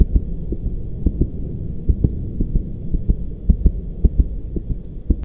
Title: TJOC heart sound